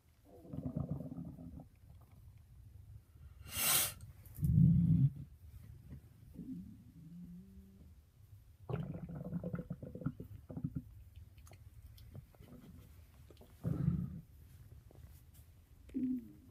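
Low gurgling rumbles and squeaky gut noises come and go between quiet stretches, typical of ordinary stomach growling.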